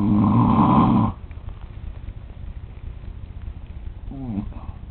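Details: Father snoring in sleep at 3 am on a trip: one loud, rough, rattling inward snore, then quiet breathing with a faint voiced sound near the end.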